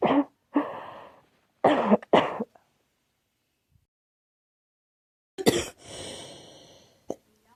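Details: Girl who thinks she is getting a cold, with a scratchy, sore throat: about six harsh, dry, irritated coughs in two clusters with pauses between. Cough with a common cold.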